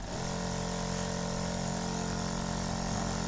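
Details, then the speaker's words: Newly unboxed Control D home nebulizer compressor being test-run: steady mechanical hum with a fast rhythmic buzz from the small motor, running normally. "चल रहा है तो बहुत ही अच्छी उसकी आवाज भी"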